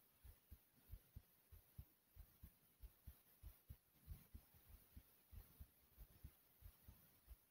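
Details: Heart pounding kinda fast: strong, regular lub-dub heartbeat at roughly 95 beats a minute.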